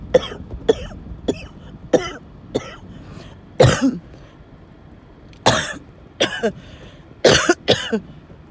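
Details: Person with recurrent coughing, wheezing and choking fits, having another fit in the car: about ten harsh, forceful coughs in a row with strained, gasping sounds between them.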